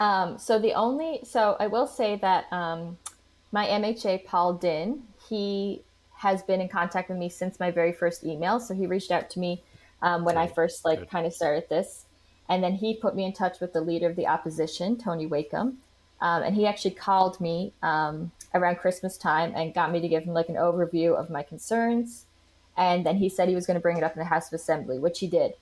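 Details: Adult woman speaking; typical speech.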